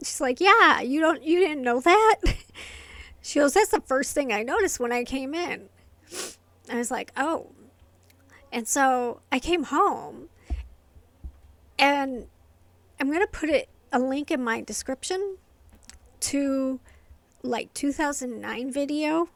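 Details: Adult woman with inherited essential tremor affecting her vocal cords and hands, diagnosed by a movement-disorder neurologist, plus medication-induced tardive dyskinesia from long-term antipsychotic use; vocal tremor.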